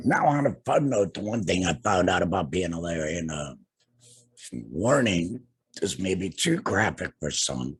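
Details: Tracheoesophageal speech in an adult man two years after total laryngectomy for cancer, treated with radiation and chemotherapy; no larynx, breathes through a neck stoma and speaks with a TEP voice prosthesis and HME.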